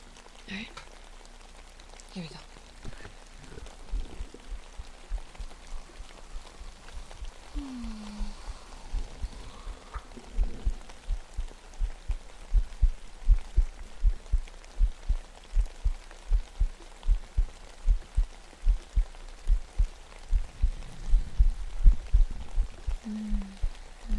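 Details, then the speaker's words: Adult's heartbeat, recorded with the shirt off during an ASMR stream: steady soft low thumps at about 80 beats a minute after brief rustling. "I'm going to take off my shirt for heartbeat so you guys can hear it"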